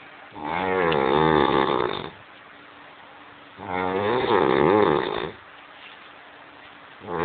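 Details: Drunk adult man snoring: loud, regular, vibrating snores about two seconds long, roughly every three and a half seconds (about 17 a minute), with faint steady hum between.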